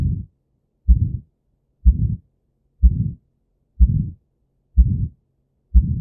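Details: Aortic stenosis: a steady heartbeat near 62 a minute, each beat followed by a harsh systolic ejection murmur, which may be caused by a calcified aortic valve.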